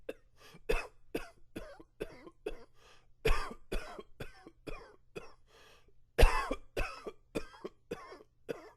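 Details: Coughing attributed to flared-up allergies.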